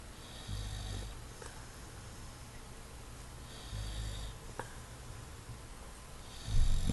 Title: Maynard the English Bulldog snores with eyes open